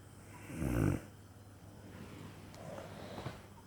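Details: One short, low, rattling snore, then soft breathing; snoring.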